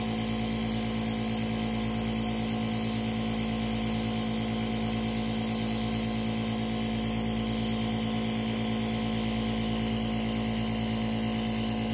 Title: asthma attack, nebulizer time